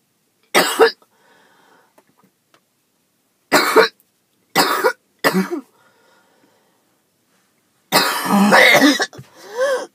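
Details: Choking, hacking coughing from a person after skipping breathing treatments too many times in a row; they hoped it was just allergies and report chest pain.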